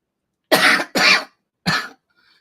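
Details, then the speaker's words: Adult speaker who reports feeling like vomiting when talking and blames possible COVID ("the covet") gives three short, harsh, dry coughs in quick succession, with no wet or rattling quality; dry cough. "the covet [ __ ] me up every time I'm trying to talk it's like I'm about to hurl then I gotta catch myself but then it's like a dry cough I don't know what it is so you'll hear me pause and taking a breath"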